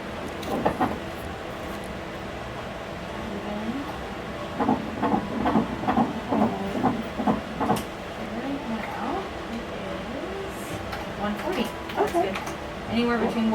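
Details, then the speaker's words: 20-week pregnancy anatomy scan on ultrasound, baby head-down: strong fetal heartbeat as rapid, regular Doppler whooshing pulses, about 140 a minute, within the stated 120 to 160 range, against steady machine hiss. "oh it looks like a strong heartbeat nice like they can listen to everything now"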